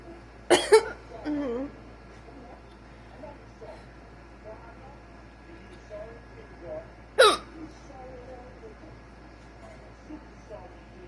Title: Got the hiccups ❤️